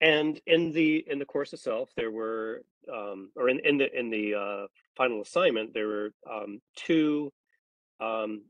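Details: Adult male speaker; ordinary speech.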